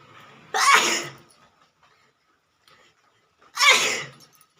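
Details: Woman with a cold blowing her nose: two forceful, hissing nasal blows a few seconds apart.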